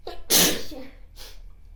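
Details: A single ordinary sneeze: a brief in-breath, then one forceful sneeze with a short trailing breath.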